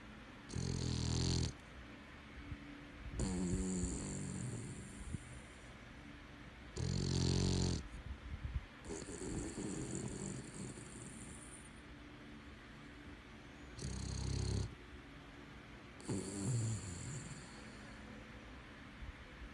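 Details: Sleeping Boston Terrier snoring loudly, rough snorting breaths in and fluttering breaths out, about nine a minute; snoring.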